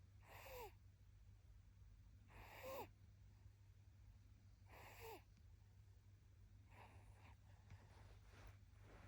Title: 赤ちゃんのいびき #twinsふたごチャンネル #baby #赤ちゃん #赤ちゃんのいる生活 #イライラしない子育て #cute #眠る #可愛い #癒し